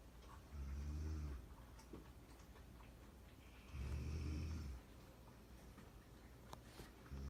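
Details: Labrador dog and a woman sleeping and snoring together: two deep, rumbling snores about three seconds apart. Snoring.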